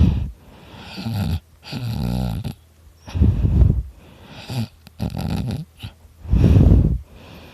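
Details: Person recording their own heavy snoring while very tired: loud, rough, low rattling breaths, some with a vibrating flutter, coming irregularly about 19 times a minute.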